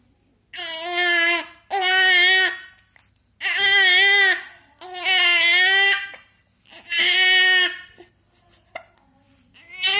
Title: Baby not happy with hiccups